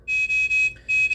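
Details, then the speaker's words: Mechanical ventilator being switched on during a teaching demonstration, going through its power-on phase before the alarms are silenced: loud, high electronic beeps in a quick pulsing pattern; ventilator power-on alarm. "we need to turn this ventilator on so it's going to go through its power on phase"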